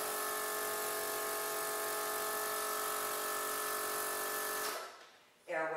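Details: Portable suction unit at an EMS training station on upper airway adjuncts and suction: loud steady whirring motor that stops abruptly, then a brief voice.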